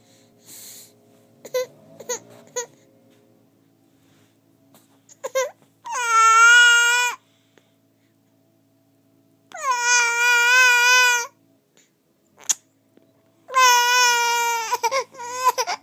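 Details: Infant gives three long, high wailing cry bursts separated by pauses; a hunger cry, with squinting as if forcing tears; parent calls her a little faker.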